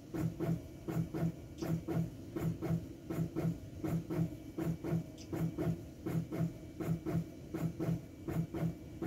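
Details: A Teleflex Arrow intra-aortic balloon pump runs with steady, regular mechanical thumping and hissing pulses, about 81 cycles a minute.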